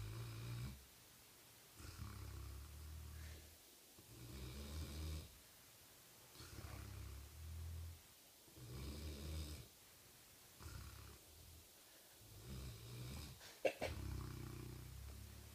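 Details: A sleeping dog snoring loudly: steady, low rumbling snores at about seven breaths over fifteen seconds, roughly 27 per minute; snoring.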